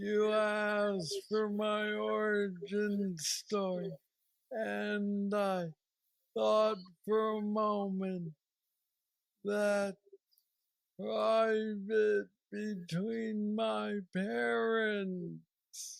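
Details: 46-year-old man with Parkinson's disease diagnosed at 35, about 11 years ago, which he describes as the most aggressive form, with mobility struggles and a deep brain stimulator implanted 2 years after diagnosis; real patient; hypokinetic dysarthria (Parkinson's disease speech).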